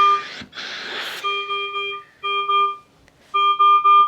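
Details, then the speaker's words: Teaching demonstration of a mechanical ventilator alarm: repeated steady two-tone beeps triggered by a large difference between inspiratory and expiratory tidal volume, as from a circuit break or disconnection. "For example, you'll now see that you've got a huge difference in your volumes, and the ventilator will alarm."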